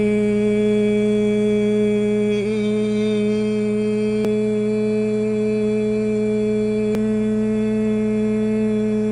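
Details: Bearded adult voicing varied pitches during fiber-optic laryngoscopy at an ENT visit; no vocal nodules, extra mucus suggesting dehydration, vocal fatigue, vocal rest advised; sustained phonation during laryngoscopy.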